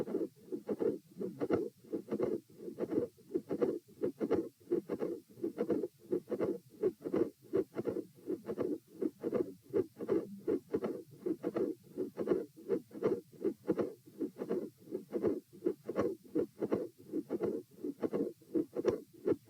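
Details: Heart auscultation at position E during a stress test with posture changes (lying, sitting, standing, lying again): regular heartbeat with a midsystolic click, a midsystolic murmur and a split second sound; suggests mitral valve prolapse.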